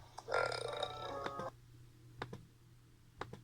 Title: Burps compilation 58